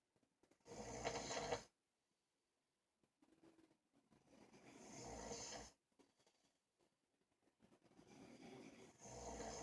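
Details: Father and brother sleeping and snoring at the same time. Loud, rattling, fluttering breaths of about a second each, repeating with quiet pauses between: snoring.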